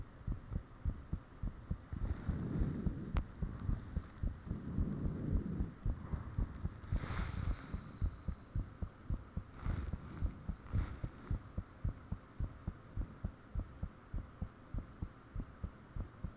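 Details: Self-recorded own heartbeat with fan off, taken shortly after heart began feeling unusually thumpy; loud fast regular thumping about 110 a minute, rushing and higher clicks over low hum. Heart sounds.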